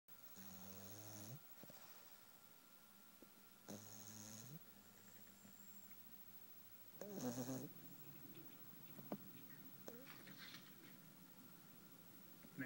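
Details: Black pug napping, snoring: three buzzing, rattling snoring breaths, each about a second long, with quiet pauses between and faint room noise.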